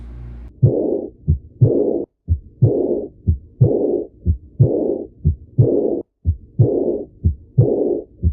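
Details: Severe aortic regurgitation, best heard at the accessory aortic area with the patient sitting and leaning forward: regular heartbeat near 60/min with a soft blowing decrescendo murmur right after the second sound; early diastolic murmur of aortic regurgitation.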